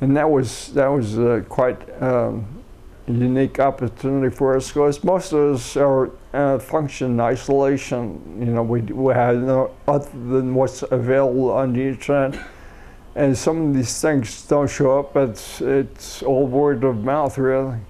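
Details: Adult man with a neurodegenerative disorder first diagnosed as cerebellar ataxia, later rediagnosed as multiple system atrophy; after umbilical cord blood stem cell treatment in China; excessive saliva; seeing a speech pathologist; ataxic dysarthria.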